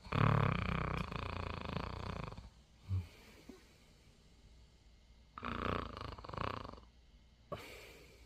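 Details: Eight-day-old newborn snoring: low rough snorting breath noises separated by pauses.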